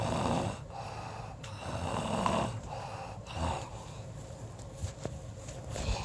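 Rough, rattling snores repeating about every 1.3 seconds, with soft breaths between; ongoing snoring.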